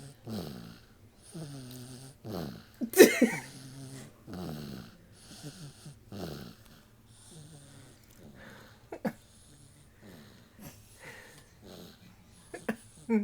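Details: Dog snoring: repeated short, whiny, wheezy snorts and snores at close range with brief snuffles between.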